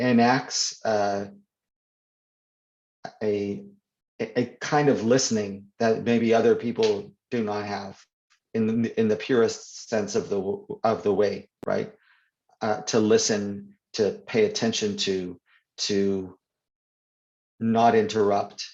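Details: Stuttering (stammering) in an adult man who reports that he stutters more when reading than in conversation.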